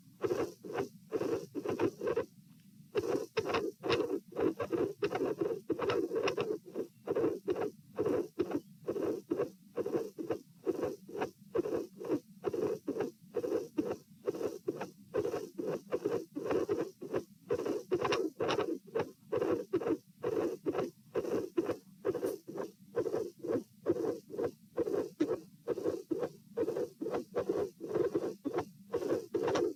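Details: Patient with dilated aortic root, heart sounds recorded at position P while lying, sitting and standing (66-72 bpm): irregular rhythm with midsystolic murmurs and a cyclically varying extra component to the second sound.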